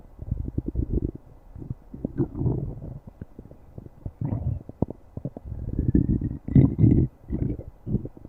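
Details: Low gurgling and rumbling from the belly, with bursts of bubbling and a few squeaky, tonal gurgles: ordinary stomach growling (borborygmi).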